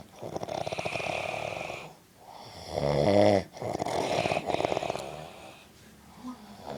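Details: Adult man (a father) asleep: loud, rattling snores on in-breaths with fluttering noisy out-breaths in between, in a quiet room; snoring.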